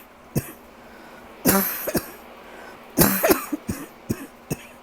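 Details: An adult who has been coughing all night for days coughs in a quiet room: a sharp single cough, then two harsher bursts trailing into smaller coughs and throat clearing; persistent cough.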